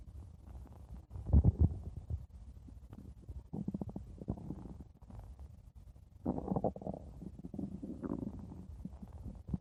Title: blue diamond stomach growling 5 minutes